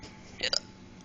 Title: I got the hiccups again!